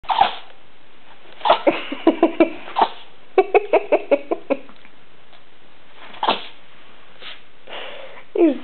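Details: Chihuahua having a sneezing fit: a rapid, irregular run of short, sharp sneezes.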